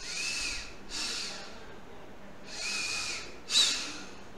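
Several sharp, hissing breath bursts, the last a quick forceful blast, as air is blown through a spirometer during a breathing test.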